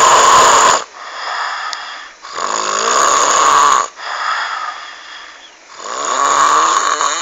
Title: suara ngorok menyeramkan